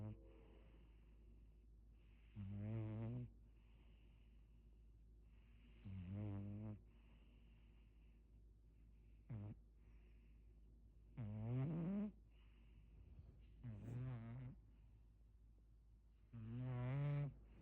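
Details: A sleeping man snoring very loudly: loud, rough, buzzing inhalations recurring about 11 times a minute against a steady room hum.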